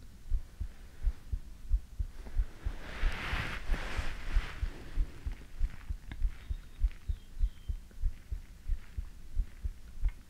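Steady low thumping heartbeat, about 90 beats a minute, with a soft rushing hiss rising briefly midway.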